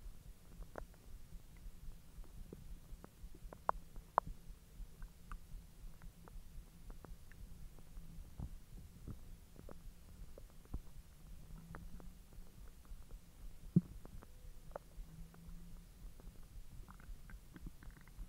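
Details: Bowel sounds (borborygmi) from the belly after eating hotdogs following a 10-hour empty stomach: low rumbling with scattered gurgles and clicks, ordinary digestion.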